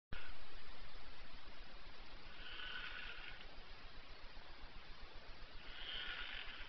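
Squeaky, quacking breath sounds about every three seconds over steady hiss. Whistling snore.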